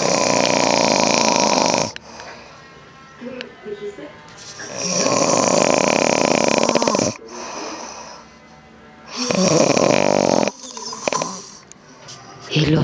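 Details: Very loud, harsh, rumbling snoring from a sleeper in a bedroom, heard throughout the house, with snores every few seconds and quieter pauses with faint room sounds between them.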